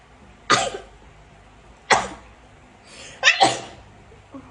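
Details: Nasal swab testing for Covid-19 triggers four sharp, explosive sneezes in quick succession as tickling from the swab makes the person sneeze uncontrollably.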